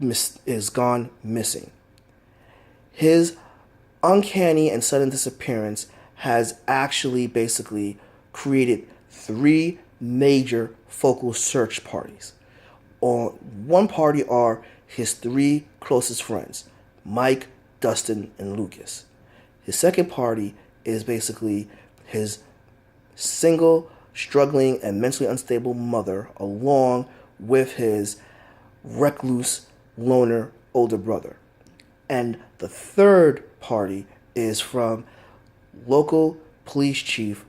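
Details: Adult man who states he has a stutter that is easily heard; stuttering.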